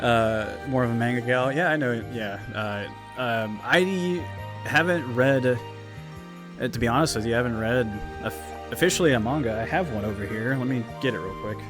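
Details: Adult man who says he stutters, trips over his words and gets tongue-tied, speaking unscripted on a live stream. Stuttering.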